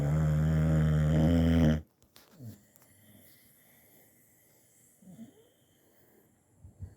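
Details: One loud, deep, rumbling snore lasting nearly two seconds, then quiet breathing and faint room noise; snoring from a sleeping dog.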